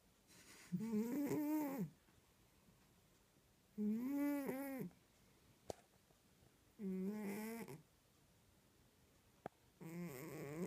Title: Snoring cat